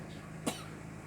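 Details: A single short cough burst from a man against steady room noise, heard while someone counts aloud; cough.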